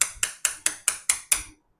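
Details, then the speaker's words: Seven sharp metallic taps, about four a second: a surgical mallet driving a curved, pointed awl into subchondral bone to make microfracture holes during arthroscopic surgery on a woman's joint. "So this instrument which is a curved and a pointed is known as an all. So we are going to have some holes inside the bone."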